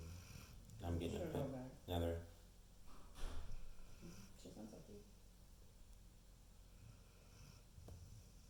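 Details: Snoring: a couple of loud, rattling snorts of breath, then softer snuffling in a quiet room.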